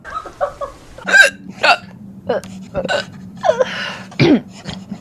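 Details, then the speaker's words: Hiccups in a Chinese-speaking female streamer: several abrupt, short voiced gulps break up quiet talk and laughter, with a faint steady hum underneath. "等一下，我开始打嗝了。"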